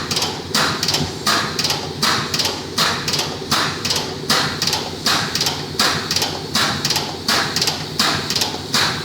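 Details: External counterpulsation (ECP) treatment, with cuffs on the calves and upper thighs and pressure raised from 170 to almost 300: rhythmic hissing air bursts about 81 a minute as the cuffs inflate and deflate in time with the heartbeat.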